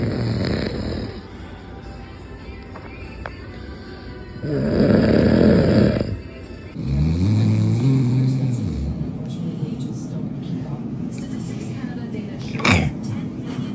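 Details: Adult man (a dad) snoring near a baby: loud, rough, low snores with snorts on each breath in, over music and background noise.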